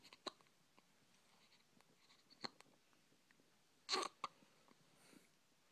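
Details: Hiccups in a baby boy: a few brief, sharp catching sounds a second or more apart in a quiet room.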